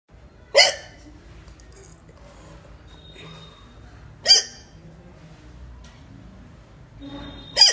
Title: natural hichki hiccups (1)